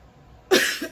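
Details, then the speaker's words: Girl with an acute cough all morning, a non-smoker, who reports a burning, weird feeling: a single short, harsh cough burst after a moment of quiet. "So, I've had this cough to all morning and just"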